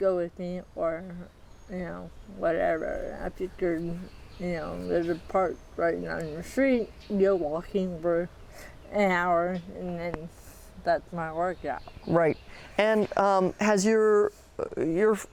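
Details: 40-year-old woman with moderate athetoid cerebral palsy, quadriplegia, GMFCS level 3/4, moderate to severe physical involvement, uses a walker and power wheelchair; speech may be hard to understand; dysarthria (athetoid cerebral palsy).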